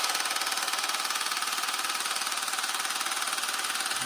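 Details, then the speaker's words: Low-intensity shockwave device (at-home "Rocket") applied to an adult man's penis by its co-inventor as erectile dysfunction treatment: loud, rapid, regular mechanical tapping at about 160 pulses a minute. He reports no pain and no sensation. "All you guys can do is just hear how loud it is. But no pain at all."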